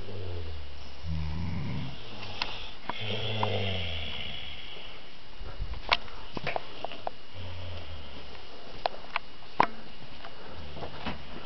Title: snoring girls